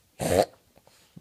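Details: A dog named Charley Brown reverse sneezing: one loud, harsh snorting inhalation, then faint nasal clicks.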